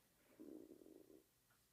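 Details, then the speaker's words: A brief, low, bubbling gurgle lasting under a second from an adult's stomach, loud enough that a nearby person thought it was theirs: stomach rumbling (borborygmi). "that's yours or mine mine really yeah that's crazy that sounded so loud I thought it was mine"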